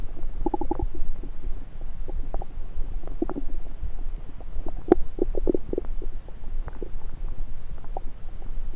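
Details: Stethoscope placed on multiple parts of the belly: scattered gurgles and short bubbling clicks over a low rumble; ordinary active bowel sounds.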